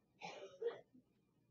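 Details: Two quick bursts of cough heard faintly from another part of the room, from a child described as very sick.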